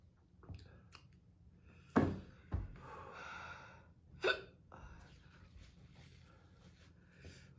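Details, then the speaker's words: Young woman with hiccups after eating very hot pepper powder in a spicy challenge, following a coughing fit: a few sharp, abrupt, irregularly spaced hiccups with quiet breathing and soft voice in a small room. "yeah I think I just have the hiccups now great"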